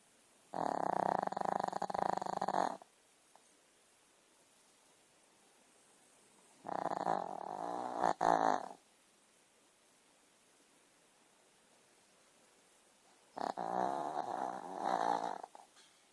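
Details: Sleeping puppy on a Sunday morning: three long, loud rattling snores in about 16 seconds, separated by quiet pauses; puppy snoring.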